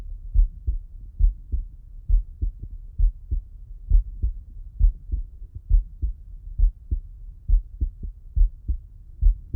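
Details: Heart auscultation with the subject lying on the left side: regular low two-part heartbeat at about 67 beats a minute, clear first and second sounds, no added noise; normal heart sounds.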